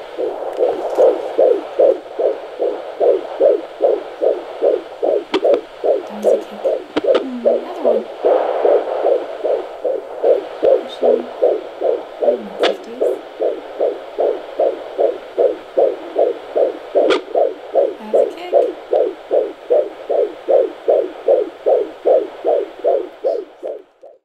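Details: Fetal heartbeat at 23 weeks 5 days of pregnancy, baby girl, on Doppler: fast, regular whooshing at about 150 beats per minute; normal fetal heartbeat.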